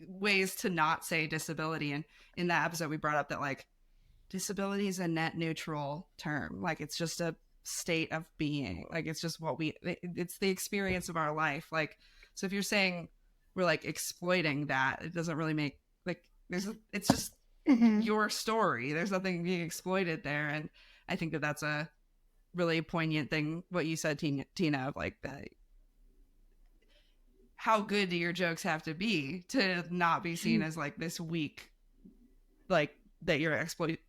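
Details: Adult speaker; typical speech.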